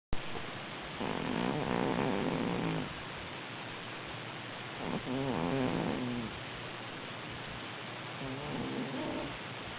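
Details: Soft rattling snores from Cookie, a sleeping cat: three breaths over a steady hiss of recording noise; snoring.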